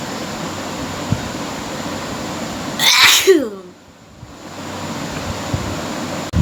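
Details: Sneezing challenge with a deliberately provoked sneeze: a single forceful, sharp hissing burst with a brief voiced tail over steady background hiss.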